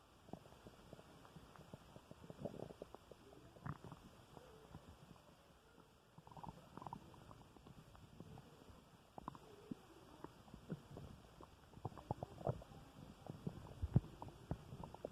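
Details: Male's stomach growling after dinner: continuous soft gurgling, bubbling and crackly rumbles from the belly during digestion after a meal; borborygmi.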